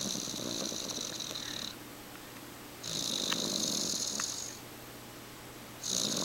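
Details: JT asleep: soft, hissing, airy snores on each breath in, with quiet pauses between; light snoring.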